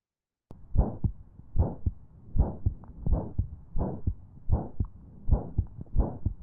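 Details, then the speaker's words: Paediatric teaching example of an ejection systolic murmur: regular heartbeat about 75 a minute with a harsh crescendo-decrescendo murmur peaking early-to-mid systole between the heart sounds. "okay so we can actually hear that that memma peaks in the in in sort of the middle um beginning to middle of um that systolic phase"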